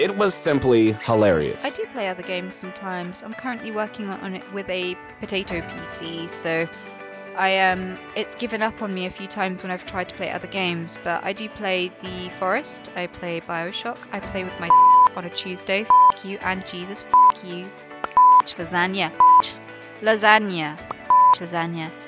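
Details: Tourette syndrome vocal tics in a female streamer with severe physical and vocal tics, with involuntary curse-word outbursts mid-sentence and repeated words.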